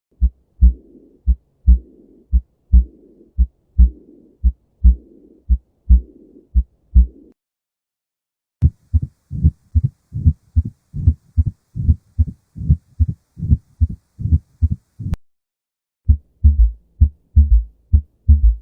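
Heartbeats with a soft blowing murmur filling the pause after the second sound, a diastolic murmur.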